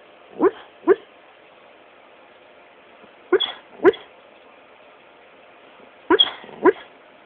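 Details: Terra, a black Labrador, asleep: soft paired whimpers and muffled yips in three bursts, ordinary harmless dreaming vocalization.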